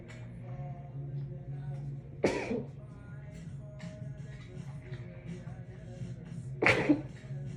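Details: Muffled sneezes, two sharp bursts about four seconds apart, after a shower, induced by tickling the nose with a wet strand of hair and muffled with a towel; music in background; sneezing.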